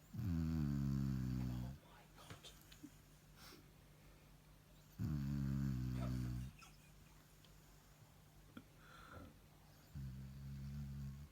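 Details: Shar pei dog snoring: loud, rumbling snores roughly every five seconds, about 12 breaths a minute, with quiet gaps between.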